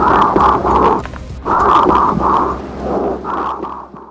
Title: WHISPERED PECTORILOQUY | BREATH SOUNDS | AUSCULTATION